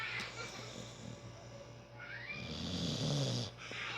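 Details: Sleeping female dog snoring, a low rattling snore over a steady background hum; the owner remarks that the dog snores more than the owner does; snoring.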